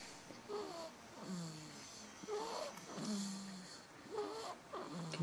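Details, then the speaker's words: Sleeping baby snoring: repeated squeaky, whistling snore-like noises with each breath, about 33 a minute. "he's making noises mama yep at least i'm not trying to sleep this time good night"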